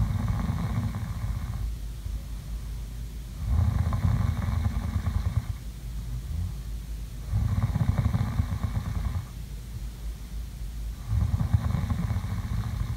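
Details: ASMR sleeping-sounds recording: loud, low, rattling snores on each breath, about fifteen breaths a minute, with quieter exhalations between; habitual snoring.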